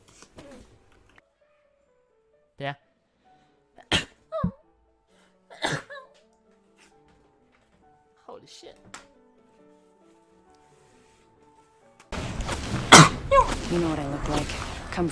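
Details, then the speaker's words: Several short, abrupt sneezes from a male streamer in a quiet room, followed by game sound and talk; the sneeze is remarked on as unusually delicate, with an "ah" sound. "你的这个打喷嚏非常绝， The ring's moving, friends. 可以说是一绝 啊！ 我最近听过的这个打喷嚏里面最为娇贵的一个。"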